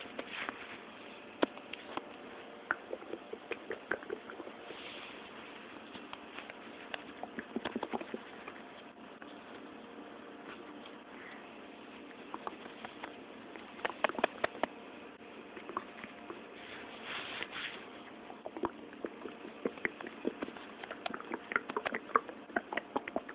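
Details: Bowel sounds (borborygmi): irregular soft stomach gurgles, clicks and pops, with a few longer bubbling bursts.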